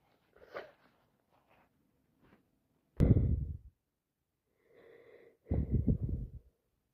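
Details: Day 4 of a cold with wet sneezes: two abrupt, wet, explosive sneezes, each after a brief in-breath, with sniffles between; sneezing with a head cold.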